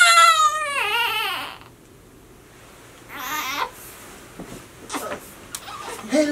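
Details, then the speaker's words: Infant boy crying: a brief wailing cry that fades into quiet fussing with soft adult voices in a small room, as a parent uses a changed voice unseen to quiet him. "what I do is I actually when I hear him like fussing or crying or whatever I changed my voice and when I changed my voice I started saying something but he can't see me he just hears a voice and it just makes him quiet"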